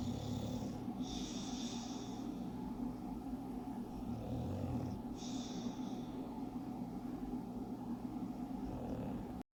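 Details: English Bulldog snoring while asleep: steady low rumbling snore with two sharper snorting breaths, about 15 breaths a minute.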